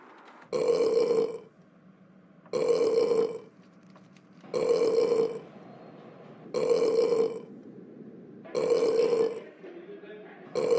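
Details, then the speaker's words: Burping: five long, loud, identical belches about every two seconds, a repeated sound effect rather than a real person, in a class-burping skit. "I drank 2,000 sodas okay class I'm going to burp"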